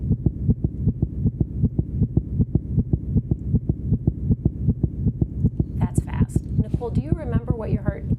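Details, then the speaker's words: Rapid, regular heartbeat at 158 beats per minute, in the range seen with SVT (supraventricular tachycardia); tachycardia, contrasted with a normal 63 beats per minute. "Okay. So, let's listen to the difference because we have a heartbeat of 158."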